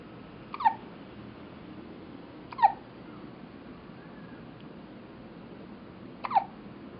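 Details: Three short, high, squeaky catches two to four seconds apart in a quiet room, from a 2½-week-old baby girl with her first hiccups, seemingly startled by them; infant hiccups.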